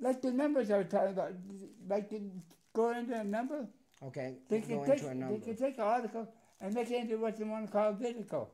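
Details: Adult man described as having a speech impediment and as partially deaf in both left and right ears; speech impairment associated with hearing loss.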